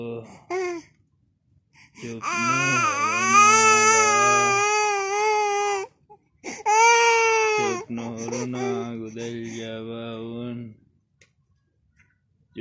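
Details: An infant cries in long, high-pitched wails separated by brief breaths, with short fussy sounds between them.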